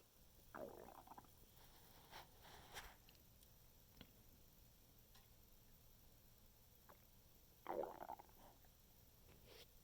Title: my stomach making noises after standing up straight